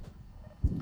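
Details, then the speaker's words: Normal heart sounds from a simulated patient, a human patient simulator manikin, heard near the center of the chest; the heartbeat is computer-controlled from a control room. "and then somewhere toward the center of the chest right around here you can hear his heartbeat"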